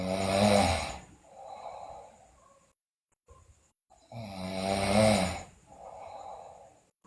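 Two loud, buzzing snores on breathing in, each followed by a softer breath out, about four seconds apart. Loud snoring in a child.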